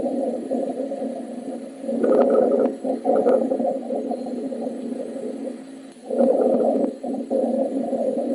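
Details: Teaching sample of rhonchi, replayed in a lung auscultation quiz: low-pitched, rumbling, snoring-like breath sounds swelling with each breath.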